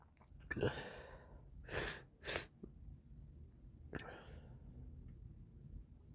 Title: Morning Sneezes & Snotty Nose Sounds~